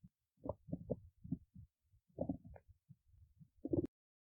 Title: stomach growling 6